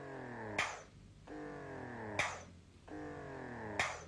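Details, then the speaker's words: Pipetta Compact wearable breast pump running in auto mode at suction level 12 of 12: different short pumps then a long pump, a rising motor whine ending in a soft release click, repeating about every 1.6 seconds. "Just listening to what it does. It does different short pumps and then a long pump. This is stimulation mode."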